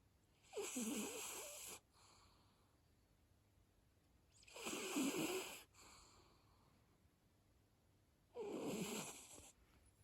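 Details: Sleeping female cat snoring: soft, hissing, slightly whistling snores, about three calm, regular breaths in ten seconds.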